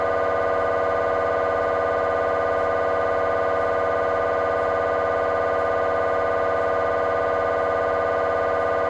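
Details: Scanner noise from a GE 3T MRI of the petrous bone (Felsenbein): a loud, steady, rapid mechanical buzzing tone at about 200 pulses a minute, typical of a T1 fast spin echo sequence.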